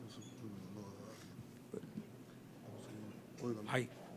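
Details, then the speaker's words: Adult man with suspected mild myotonic dystrophy type 1 (hand relaxation difficulty, narrow long face): needle EMG myotonic discharge, faint whining revving tones rising and falling like a small motor with each stimulation. "lo característico es la electromiografía como aguja que hace el sonido de Como él como un motor cada vez que se estimula el paciente"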